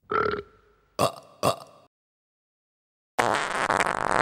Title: Kids Burping!